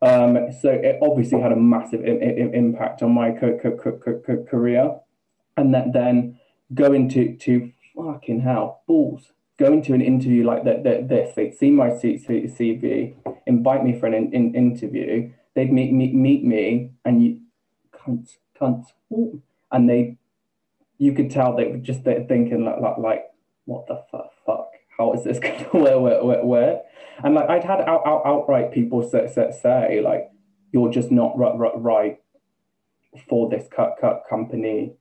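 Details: Man, 28, with Tourette syndrome beginning just over two years ago after health issues and a string of seizures, with coprolalia, repeated words and a stammer, sometimes blocked with no sound, that he never had before: Tourette syndrome with vocal tics and stammer.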